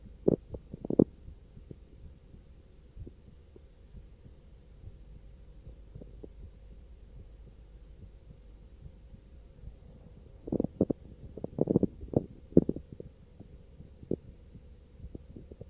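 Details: Normal heartbeat after brief arm exercise: low, muffled heart thumps clearest in two bursts, with a steady hum, volume loss, noise and dropouts in the recording.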